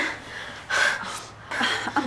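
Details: Simulated dental-surgery emergency training scenario: an acted patient breathes quick, gasping and noisy, as in anxious hyperventilation, while a finger probe is applied; staff call it an asthma attack.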